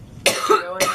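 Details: Two harsh, forceful cough bursts in quick succession from a girl: coughing episode.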